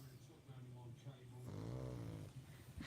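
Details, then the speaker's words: Dog sleeping on a sofa gives a steady low rumbling snore, rising into one louder buzzing snort midway: ordinary snoring. "he's just snoring at the moment so cutie i know look at him look at him just on the sofa being a little cutey"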